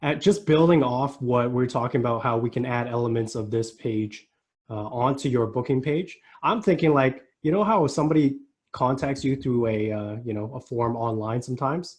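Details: Adult man speaking; normal voice.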